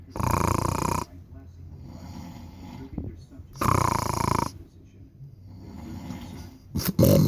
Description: Struggles with trying to sleep while roommate snores